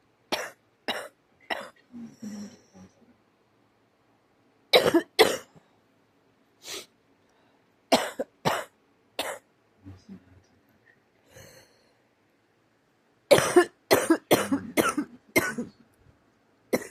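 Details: Person with a bad cough: repeated harsh coughs in clusters, about sixteen over seventeen seconds, with brief throat-clearing between bouts; cough.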